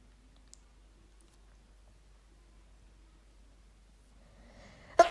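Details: A woman, recorded four years ago, sneezes after using chhinkni sneezing powder: near silence, a brief build-up, then one sharp, loud sneeze at the very end.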